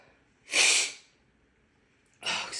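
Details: Two harsh, hissing, breathy sneezes about two seconds apart; repeated big sneezing in a female, suspected grass pollen allergy.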